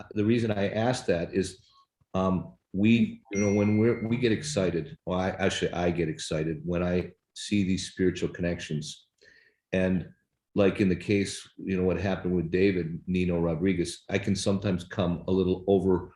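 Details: Adult male speaker; Normal speech.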